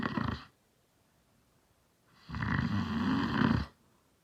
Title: my dad snores